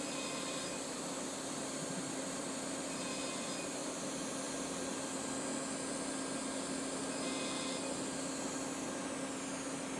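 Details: Live educational demo of an Edge 1 CO2 fractionated laser treating a patient's facial acne scars. A steady loud cold-air cooling hiss, a constant hum and faint repeating beeps are heard as the laser fires. The cold air eases discomfort.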